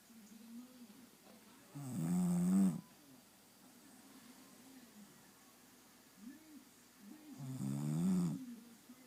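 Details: Bulldog, said to be awake while snoring: two loud, rough snoring noises about six seconds apart, with softer noisy breathing between them: snoring in a flat-faced dog.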